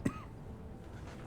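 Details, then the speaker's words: A single brief, dry cough, possibly a throat clear, over faint background hum, from a gameplay commentator who says they are coughing a lot during this recording. "And I am coughing a lot this recording."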